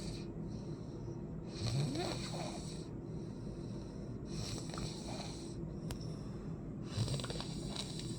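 Rhythmic rattling snores with breathy hissing between them, about three cycles in eight seconds; ordinary snoring.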